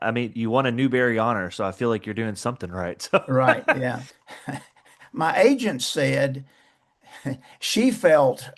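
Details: Two adults in conversation; typical speech.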